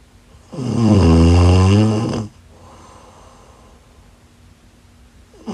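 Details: One long, loud, deep rumbling snore lasting nearly two seconds, followed by a quiet breath out; snoring.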